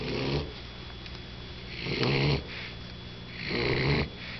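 Rough, rattling snores with each breath, a few seconds apart, in a sleeping small dog.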